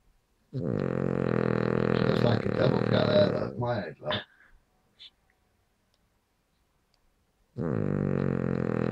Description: Milly our King Charles Snoring!